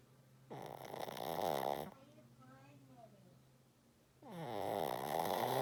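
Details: Sleeping female pet snoring: loud, rough, fluttering snores on two inhalations, with a quieter whistly exhalation between them.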